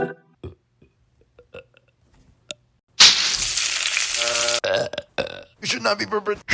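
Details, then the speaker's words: Person deliberately burping into a microphone: a loud, sustained belch lasting about a second and a half, followed by brief speech and a few short sounds; burping. "whenever I do these meme compilation videos most of the time I burp in in the microphone so why not to make a whole shorts of me burping here we go"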